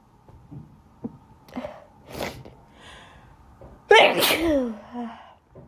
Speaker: I sneezed all day at school today. I'm not sick. Just allergies again.